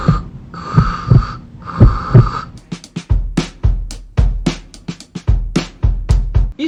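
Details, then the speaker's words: Imitated heart sounds in a veterinary cardiology explanation of murmur types: a heartbeat with a steady, even whooshing filling each systole; a holosystolic (plateau) murmur. "então desses três só falta falar de um que foi justamente holossistólico também conhecido como som de platô porque a estrutura de som é continha"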